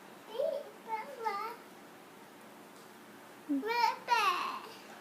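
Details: Babbling of a 1-year-old boy with cochlear implants during play with his mother.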